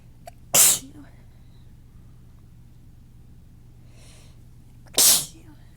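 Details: Two loud, forceful sneezes a few seconds apart, each preceded by a big buildup and short inward breath, in a quiet room; person says these are unlike their usual little sneezes and their nose is irritated.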